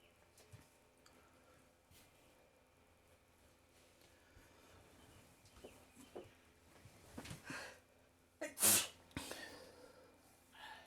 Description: Every Day I sneeze so much after wake up